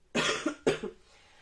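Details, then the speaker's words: Adult woman with a cold: two quick, loose, wet coughs, a productive cough she calls terrible. "Oh là là. J'ai une toux grasse dégueulasse. Enfin bon, bref, vous entendez. C'est assez terrible."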